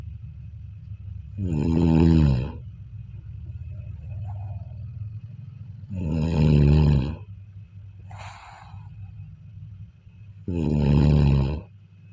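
Three loud, rattling, drawn-out snores about 4 to 5 seconds apart, near 13 a minute, over steady background hum. Snoring.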